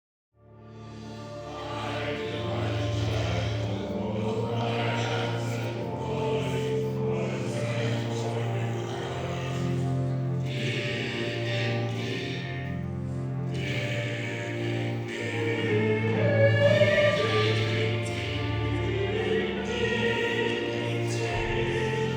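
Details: Choir singing, mostly of people after laryngectomy plus some without, using esophageal voice: air redirected through the esophagus, with esophageal tissue acting in place of the vocal folds. Finding: esophageal speech (singing after laryngectomy).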